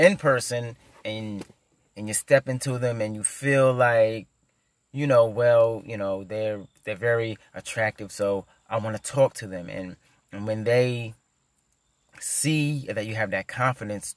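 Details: Adult male who stutters; his fluency varies, with some days flowing and others heavy stuttering; stuttering.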